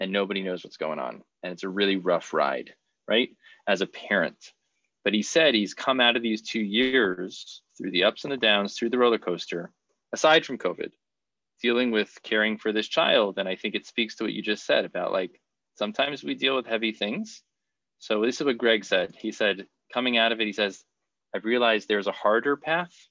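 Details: Adult male speaker; typical speech.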